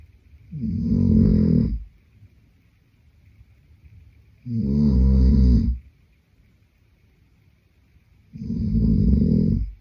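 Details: Adult man (boyfriend) snoring in sleep: loud, deep, regular snores on each breath in, about 15 breaths a minute, with quiet pauses between.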